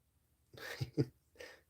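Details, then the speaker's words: Female northern blue-tongued skink sneezing sand from her nose while dug into her substrate: two short, breathy puffing bursts close together, then a softer third puff. "you hear her sneezing that's like I say if she gets sand in her nose you can hear her sneeze the sand"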